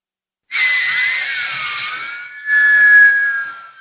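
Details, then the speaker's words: High-speed dental handpiece with a 330 bur cutting a Class II mesio-occlusal amalgam preparation on a maxillary second premolar (tooth 4) in a bench demonstration. Loud high-pitched whine, pitch dipping as the bur cuts to depth. "So check with the burr. I'm going to drill until this deep."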